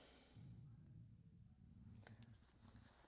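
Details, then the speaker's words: Low, rolling gurgling rumble from an adult's belly, loud enough to be likened to thunder: stomach rumbling (borborygmi). "Oh my gosh, did you hear that? That was my stomach. Sorry, guys. Did you just hear my tummy rumble? It sounded like thunder outside."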